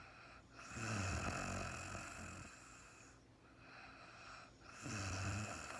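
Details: Real-time recording of a sleeping woman, no talking: two low rattling snores on breathing in, with quieter breathing between; snoring during sleep.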